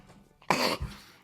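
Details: A brief in-breath, then one sharp, forceful burst of air: a single sneeze from a male streamer in a quiet room.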